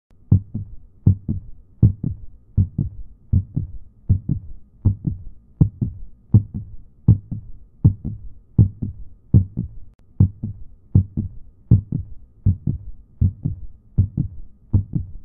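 Regular paired lub-dub thumps at about 80 a minute; a steady heartbeat.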